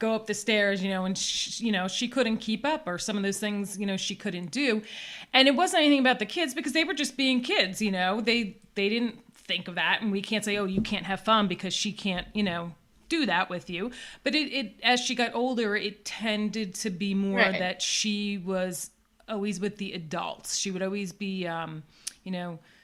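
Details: Adult woman speaking; typical speech.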